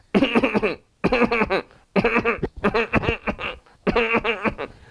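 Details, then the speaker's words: Adult imitation of a milder tickling cough, tickling in the larynx preceding or accompanying it: four short runs of mild, voiced, hacking coughs. "the next cup is a more milder cuff and that is the cuff of remix where you have a tickling in the larynx and that precedes the cuff or that accompanies the cup"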